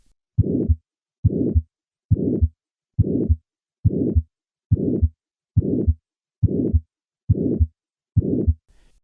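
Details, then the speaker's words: Harsh systolic ejection murmur of aortic stenosis, regular rhythm near 69 a minute, peaking late in systole unlike an innocent murmur, reflecting turbulent flow across the stenotic aortic valve. "This systolic ejection murmur reflects turbulent flow across the stenotic aortic valve. In contrast to an innocent murmur, this murmur peaks late in systole. Notice the late peaking of this murmur."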